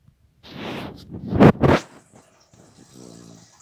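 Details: Sleeping beagle, a deep sleeper: a rough, noisy breath, then two loud snorting snores and a faint low whine-like breath; snoring.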